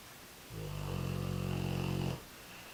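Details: One deep, buzzing snore lasting under two seconds from a sleeping American Bulldog, with steady room hum before and after; one of his quieter snoring sessions, as he often gets much louder; snoring.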